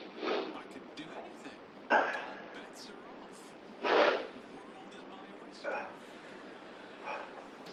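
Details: A sudden, randomly long sneeze attack: several sharp, explosive sneezes a few seconds apart, with a television show playing in the background.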